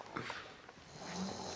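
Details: A sleeper in a small room makes a brief, rough, snorting breath noise, snoring loudly enough to keep others awake.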